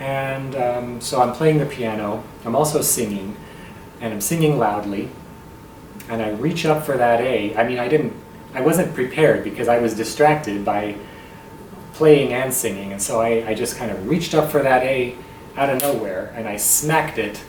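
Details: Muscle tension dysphonia in an adult male tenor, recorded on a bad night; scope showed healthy vocal cords with the voice box pinched front to back.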